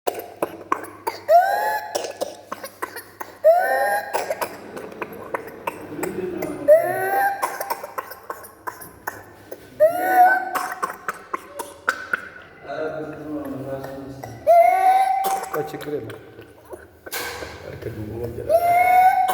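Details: A child has rapid coughing fits, each ending in a high, crowing in-breath: the whoop of pertussis (whooping cough).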